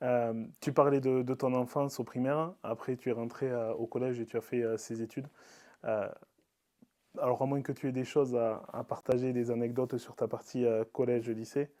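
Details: Adult man; typical speech.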